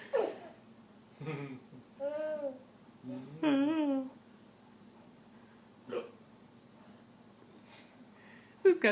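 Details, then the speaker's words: 20-month-old boy with infantile Tay-Sachs disease, 9 months after cord blood transplant, amused by his hiccups: babbling and cooing with short, abrupt catches between sounds; hiccups. "Those hiccups are funny, huh?"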